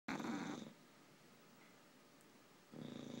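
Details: Two tired English bulldogs snoring while asleep: two bursts of rapid, rattling, fluttering snore sounds separated by a quiet gap.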